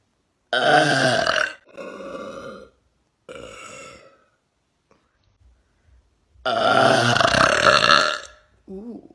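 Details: Woman burping loudly without drinking anything, a compilation: several loud, drawn-out burps with short pauses in a quiet room.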